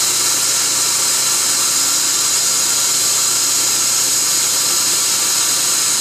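Loud, steady high-pitched hiss and whine throughout; dental instruments running during a laser-assisted root canal procedure.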